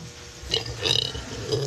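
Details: Burping compilation of girls: a brief, breathy belch with a gurgling quality.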